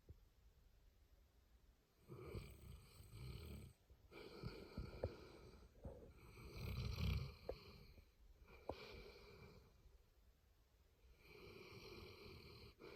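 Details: Boerboel dog snoring and dreaming during a nap: soft, uneven, rumbling breaths with small snorts and twitchy noises in a quiet room.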